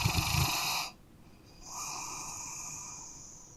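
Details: A sleeping dog gives a rough, fluttering snore on the in-breath, then a pause and a long, soft, hissing out-breath; dog snoring during sleep.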